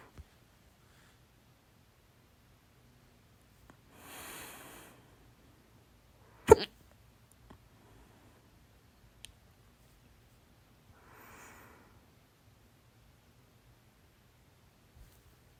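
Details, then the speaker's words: One sharp, loud hiccup with soft breaths before and after in a quiet room, from a person who suspects overeating (soda, chips with salsa) triggered the hiccups; hiccups. "* Ich habe Schluckauf / hat Schluckauf, weil ich zu viel gegessen habe. *"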